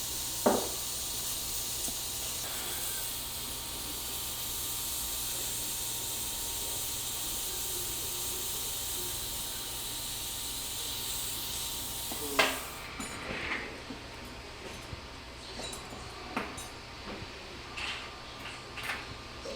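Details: Steady loud hiss of suction and irrigation, then quieter scattered clicks and instrument sounds during immediate implant placement after extraction of a crown-root fractured tooth, using OneGuide surgical guide.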